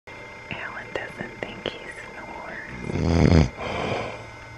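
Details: Scattered small clicks and sniffs, then one loud, low, rattling snore fading into quieter breathing, from a man snoring in his sleep.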